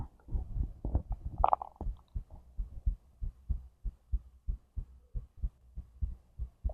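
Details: Normal heartbeat recorded alongside digestion sounds: steady soft heartbeat about 130 per minute, with a brief gurgle of digestion early on.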